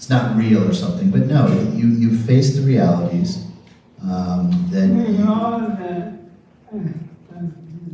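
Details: Adult male speaker; ordinary speech.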